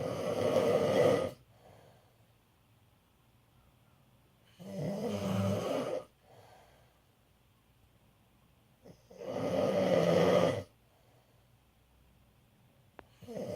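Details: Father snoring: three loud, rasping snores about 4 to 5 seconds apart, roughly 13 breaths a minute, with quiet breathing between; ordinary snoring.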